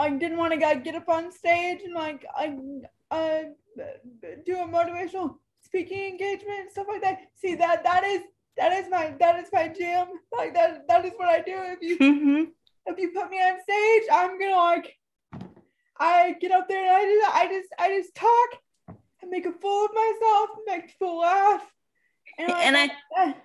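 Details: Dysarthria in a woman almost 32 with cerebral palsy who says talking is hard for her and that her disability shows as soon as she speaks.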